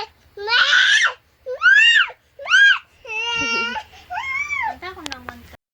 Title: Crying babY.mp4